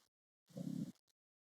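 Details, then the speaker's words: A single low, rumbling snore from a sleeping French Bulldog lying on its owner's lap, typical brachycephalic breathing noise; snoring. "yeah hear the snoring in this recording it's because my little sweet French Bulldog is sleeping on my lap and he snores"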